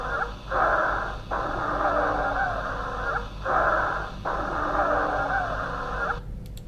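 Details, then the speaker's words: Dry wheezes (rhonchi): breath cycles about 20 a minute with musical whistling over a long, heavy exhale, expiration dominant; a teaching demonstration recording for medical students. "мы сейчас вам дадим сухие крипа они очень характерны давайте будьте внимательны пожалуйста"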